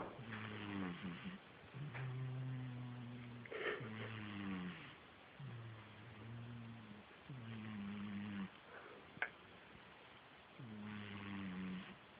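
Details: Low, rumbling snores with a steady hum on each breath, about six to seven breaths in twelve seconds, in a quiet room; snoring.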